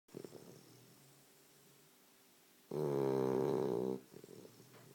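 A loud, buzzing snore lasts about a second, with soft snuffling breaths before and after.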